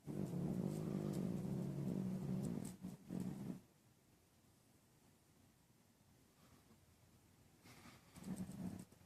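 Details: Sleeping dog dreaming and snoring really loud: rough, rumbling snore on a long breath, a short pause, then another snore beginning.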